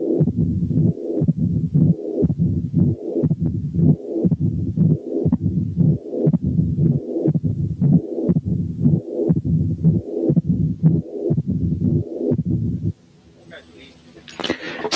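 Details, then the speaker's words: Mixed mitral valve disease (mitral stenosis with mitral incompetence): regular heartbeat near 59 a minute with accentuated first sound, pansystolic murmur, second sound, opening snap, then mid-diastolic rumble. "سمعتوا ايه؟ كان في accentuated first sound ثم pansystolic murmur ثم second sound ثم opening snap ثم mid diastolic murmur."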